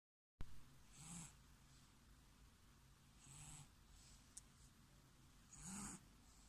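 Three soft, slow noisy breaths with a low rumble, about every two to three seconds, over steady room hum; quiet snoring.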